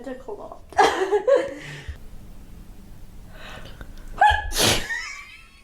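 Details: Two sudden, explosive sneezes, each with a sharp intake of breath before it, amid light chatter and laughter; the sneezer suspects flowers as the trigger; sneeze.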